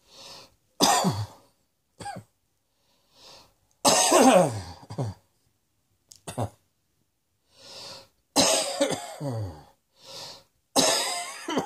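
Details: About six harsh, separate coughs with quick breaths between them in a quiet room.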